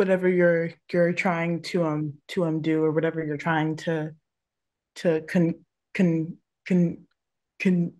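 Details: Panelist who stutters speaking in a panel discussion on careers for people who stutter, with repetitions such as "con con con con"; stuttering.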